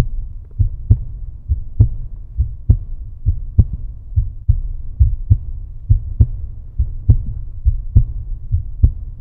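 Steady, low lub-dub heartbeat at about 67 beats a minute with a faint background hum.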